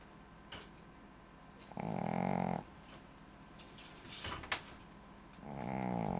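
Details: Shih Tzu dog snoring: two loud, rough, rumbling breaths with a snorting, vibrating quality, separated by quieter breathing and small noises.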